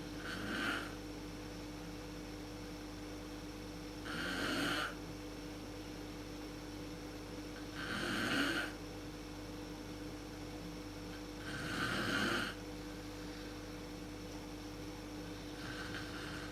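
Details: Adult woman (mother) snoring in a dark room, worst at sleep onset, recorded on a PowerShot SX130 IS camera: loud rattling snores on each in-breath, about 16 a minute, over steady room hum.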